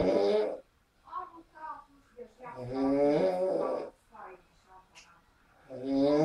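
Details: Adult man sleeping after a party: loud rough snores separated by quieter breaths with faint sputtering noises.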